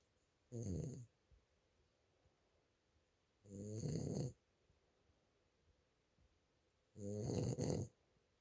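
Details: Three low, buzzy snores on the in-breaths, about every three seconds with quiet pauses between: ordinary snoring from a sleeping dog.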